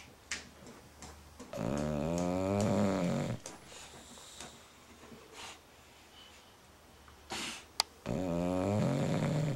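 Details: Long, loud, vibrating snores from a sleeping female bulldog, separated by quiet pauses; typical flat-faced dog snoring.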